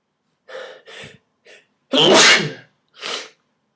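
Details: An adult sneezing while wearing a jacket in a cold apartment, possibly a little sick: three soft inhaled catches, then two explosive sneezes with a hissing burst of air in a quiet room.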